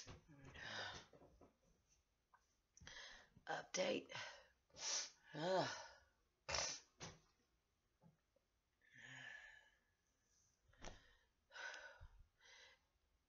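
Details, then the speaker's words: An adult with a lung infection, congested head, clogged ears, swollen nose and a scratchy throat gives about ten harsh coughs in clusters with breathy pauses; chesty coughing who cannot bring up phlegm, with chest congestion. "my throat still feels swollen and Scratchy and I can't cough up this phlegm that's in my lungs no matter how much I call I can't I can't get it up"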